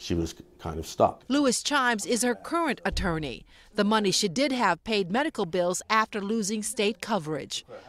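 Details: Adult woman, news narration; plain speech.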